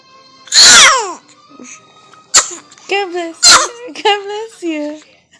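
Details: Baby sneezing in a recording that also has yawning and crying: a few sharp, explosive bursts followed by short whimpering cries; infant sneezes.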